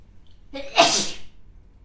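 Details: A sneeze through a face mask: a short intake, then a muffled burst; the mask is left soaked afterwards.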